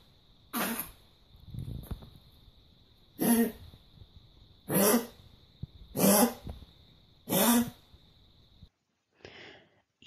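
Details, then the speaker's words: Harsh, honking run of coughs in a dog: the characteristic goose-honk cough of tracheal collapse, a chronic progressive disease seen mostly in middle-aged to older toy and small breeds. "The most characteristic clinical sign in dogs with this disease it is what is called “goose-honk” cough (very much like this),"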